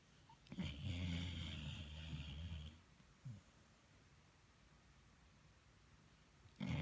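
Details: Sleeping pit bull dog snoring: one long, deep rumbling snore followed by a short snort and quiet breathing.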